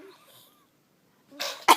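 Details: After a quiet pause, a breathy rush is followed by one sharp, explosive cough, with faint room sound earlier: a single cough.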